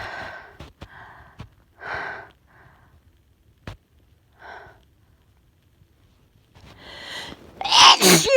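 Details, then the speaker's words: Person home sick and feeling sneezy, with a ticklish nose: soft breathy sounds and a quiet stretch, then a rising in-breath and a loud explosive sneeze. "I'm gonna sneeze. I'm gonna sneeze. Achoo! Achoo! Oh, it's still really, really tickly."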